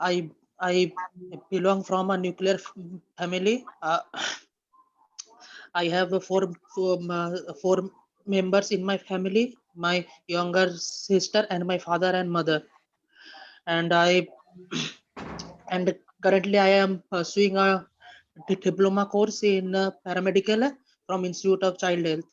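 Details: Participant in an online group stuttering therapy session led by a speech-language pathologist, introducing himself; stuttering.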